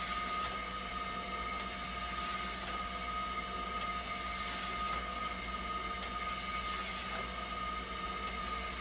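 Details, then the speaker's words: Hemodialysis machine after part replacement, being tested for a recurring flow error with temperature and conductivity stable: steady mechanical hum with a faint whine and soft pump noise, no alarms. "nag stable na siya testin naman natin para malaman natin kung magp flow error pa rin okay temperature stable conductivity stable"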